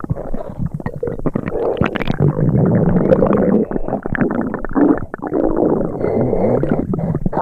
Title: The Nelsons 2000 - NOAA Weather Radio Upset Tummy Sound Effects (FREE TO USE) (Stereo)